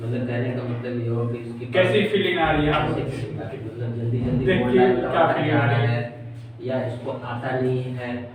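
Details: Adult male speaker; normal speech.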